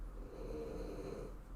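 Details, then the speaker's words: French Bulldog snoring loudly while asleep: a low, rumbling snore with a steady rattling buzz through the in-breath. "do you have a dog snoring what's that noise oh my god do you hear that yeah i was just curious pig pig yeah he's [ __ ] loud he's a frenchie"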